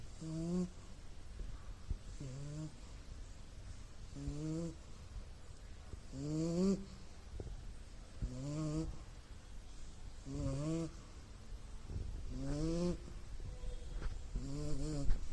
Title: Hey I Am going to catch some zzzzss...#snoring#puppy😂🤔🤓🌃